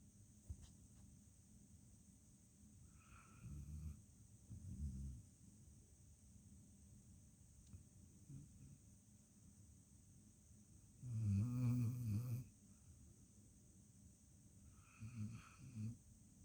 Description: My dog Kodak sleeping peacefully and snoring